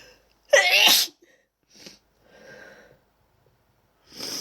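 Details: A person with a bad cold gives odd sneezes: one loud, forceful sneeze followed by a few softer breathy sounds and sniffs.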